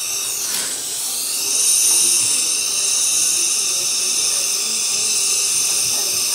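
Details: A dental implant drill whines steadily and continuously while preparing site #30 in soft bone for a 5.0 × 10 mm implant in an adult female patient; osteotomy.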